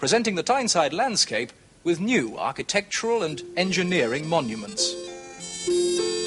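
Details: Adult presenter; normal speech.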